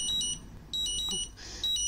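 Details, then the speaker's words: FreeStyle Libre 2 reader sounding a low glucose alarm while a FreeStyle Libre 1 stays silent: repeated high-pitched electronic beep bursts; continuous glucose monitor low glucose alarm. "this one's already going off to say that i'm having a low glucose alarm and you can see that the other one hasn't done anything"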